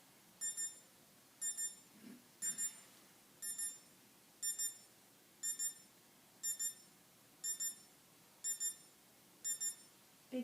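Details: Pulse oximeter with alarm during a demonstration, reading SpO2 95% and heart rate 50 as the patient takes big full breaths: regular high double-chirp pulse beeps, about 60 per minute.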